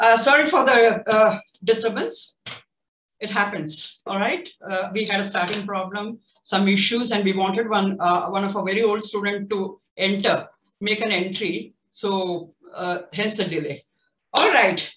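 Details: Adult speaker; typical speech.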